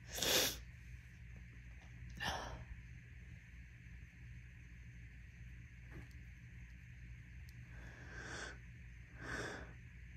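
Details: Several deliberately induced sneezes after a whole day of intense nasal itching, described as wet and messy. Some bursts are forceful and sharp, others softer and spraying, with quiet breathing between over steady background hum.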